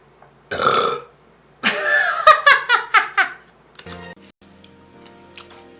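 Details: Korean streamer's burps from a compilation, saying the stomach is full: one long loud burp, then a longer burp breaking into several rapid pulses, followed by faint room noise.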